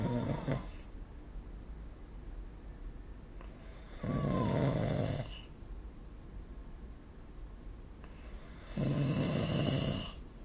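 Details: Loud, rough snores with each in-breath, spaced by quiet out-breaths, about three in ten seconds, recorded with a snore-recording phone app.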